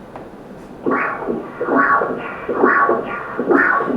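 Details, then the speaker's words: Transthoracic echocardiogram, continuous-wave Doppler of pulmonary artery flow: rhythmic whooshing pulses at about 69 a minute; flow and pressure normal. "agora vou botar na verdade são três tipos de matar o outro do que a gente chama de do contínuo"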